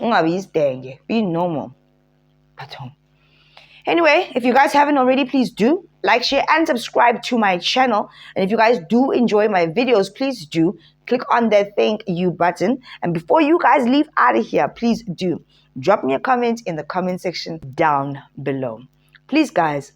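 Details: Adult woman speaking; normal speech.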